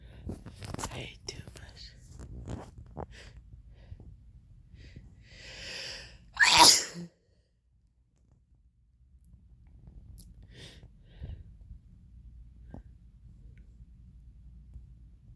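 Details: Loud sneeze amid quiet breathing and room noise, triggered by drinking red wine.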